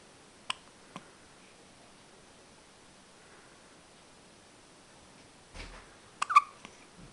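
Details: Few brief, sharp hiccup clicks spaced apart in a quiet room, with faint baby noises later, from an infant girl: hiccups.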